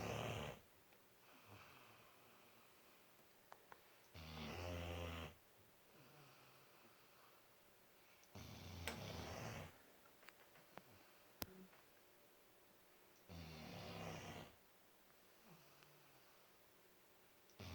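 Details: Four-month-old puppy snoring: regular loud snores, about 13 breaths a minute, with quieter breathing between them in a quiet room.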